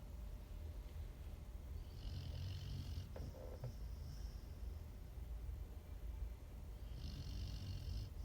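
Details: Snoring: soft, low rumbling snores on the in-breaths under a steady background hiss; ordinary snoring.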